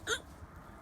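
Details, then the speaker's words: A person with ongoing hiccups makes a single brief, sharp voiced catch of about a tenth of a second, then quiet room noise: a hiccup. "be free you're making the weirdest noises either with it hiccups oh my gosh you guys can see that Smarties"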